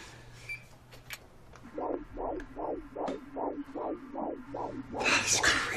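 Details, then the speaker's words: Fetal heartbeat of a girl on ultrasound Doppler at a prenatal scan with everything looking fine: rapid whooshing beats, about 150 a minute, a normal fetal rate. "Everything looks fine. Do you want to hear the heartbeat? Yeah, yes. For sure."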